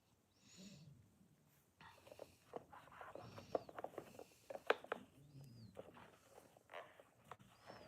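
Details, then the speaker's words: Female dog snoring loudly while asleep: low, rumbling snores recurring a few seconds apart beneath clinking jewelry and faint high chirps. "Can you hear her? You can hear her snore. She's so loud."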